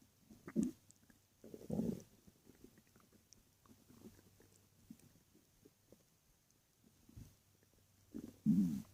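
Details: Night stomach growling while lying in bed: low gurgling rumbles in a few bursts with quiet gaps (borborygmi).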